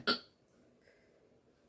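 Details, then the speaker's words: Woman awake at about 4 a.m., unable to sleep because of hiccups: one abrupt, sharp hiccup sound, then near silence; hiccup. "सुबह के बज गए नींद नहीं ए रही है और हिचकी ने तो मेरा जीना हरम कर दिया नींद हरम कर दी है"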